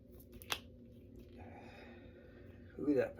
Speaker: that felt good. Wow. You guys heard those noises, right? Like me going like... I can feel my fingers and knuckles now because I'm cracking them.